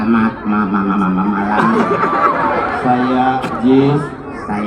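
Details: Comedian whose stage name means "stutter", speaking Indonesian on stage; stuttering.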